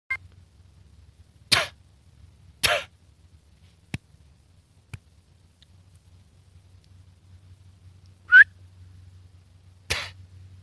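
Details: Scared hedgehog sneezing: four short, sharp, high-pitched bursts with quiet between them.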